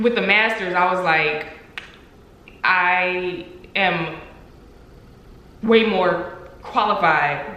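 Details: Adult woman who stutters, speaking about working with her stutter; stuttering.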